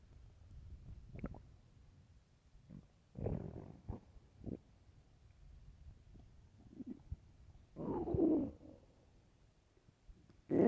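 Irregular gurgling rumbles and squelches with a few louder growls over quiet gaps; hunger-related stomach growling, a normal bowel sound.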